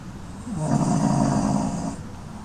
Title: Watch our Beagle baby snoring peacefully, wrapped up in his soft dohar like a cute sleepy burrito🧣😴